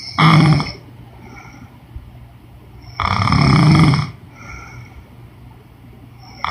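Loud, rough snores on each breath, roughly three in six seconds, with quiet pauses between; snoring.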